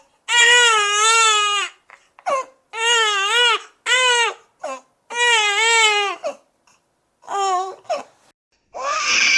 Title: NEWBORN CRYING SOUND EFFECTS | NEONATO CHE PIANGE | #freesoundeffects #soundeffect #newborncrying